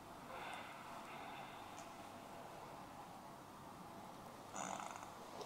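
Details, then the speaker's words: Bowel sounds (stomach growling) during a Thai abdominal bloating massage, heard while the abdomen is pressed with deep breaths: faint rumbling, gurgling noises from moving gas. "You should feel hungry soon [ My stomach growling ] Take a deep breath OK [ Stomach grooooooooooowling ] Your stomach is very loud"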